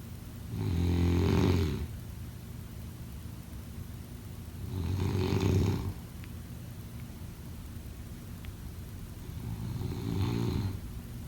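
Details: Three low, rattling snores on the in-breath, about 13 a minute, over faint room noise; snoring.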